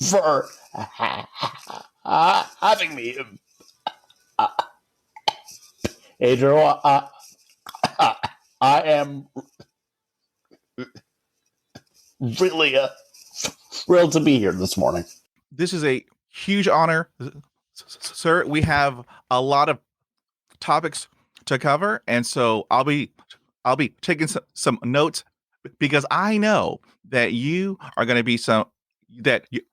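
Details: Adult man who has stuttered since about age 5 or 6 and had speech therapy from age 5 to 18. Real conversational speech showing stuttering.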